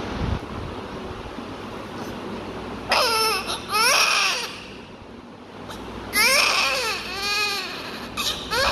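Two bursts of high-pitched newborn crying separated by quiet breathing pauses, over steady room hum; an ordinary healthy newborn cry.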